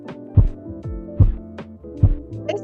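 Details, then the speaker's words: Three regular low taps about 0.8 seconds apart heard through a stethoscope as a manual sphygmomanometer cuff deflates over the brachial artery: first Korotkoff sounds, marking systolic pressure. "when blood starts to flow for the first time a faint tapping sound is turned through the stethoscope and it sounds like this"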